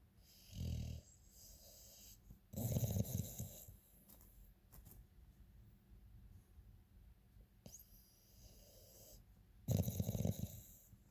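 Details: Loud rattling snores from a sleeping dog, three main breaths with softer breathing between; snoring.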